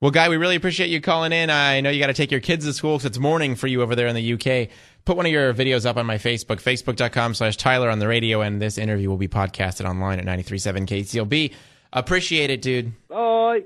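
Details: Adult male speaker, radio host; normal speech.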